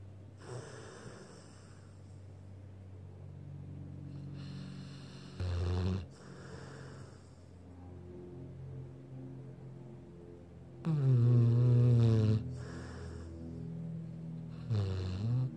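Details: Deep, low, rumbling snores with loud snorting bursts on some breaths from a sleeping blue pit bull, sounding like a human snoring, over faint background noise; snoring.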